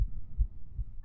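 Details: A female's fast heartbeat picked up by microphone: dull, low, closely spaced thumps at roughly 150 per minute, a rapid heartbeat.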